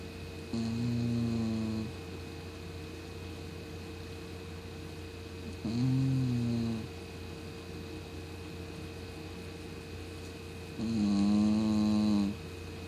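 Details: Female 17 lb Cocker Spaniel snoring loudly while asleep: three loud, drawn-out snores over about 13 seconds with long quiet gaps between them, steady background hum.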